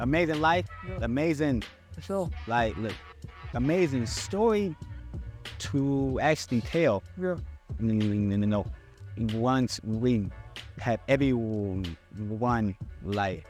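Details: Adult man who stutters and still struggles with his speech impediment, speaking on a podcast; stuttering.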